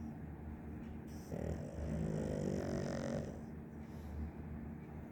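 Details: One long, rough, fluttering inward snore rising out of steady room noise, then fading; loud snoring from a sleeping animal.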